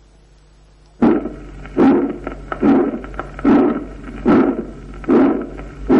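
Regular heart cycles at about 73 a minute, each with a harsh rushing murmur after the first sound: the systolic ejection murmur of pulmonary stenosis.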